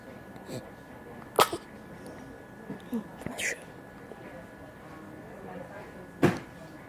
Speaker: My poor baby had the hiccups.